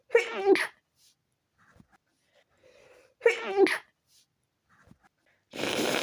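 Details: Stifled sneezes from a person with a tickly nose after leaving the windows open overnight: two suppressed, short, muffled bursts, each with a quick catch of breath and a brief rush of air after.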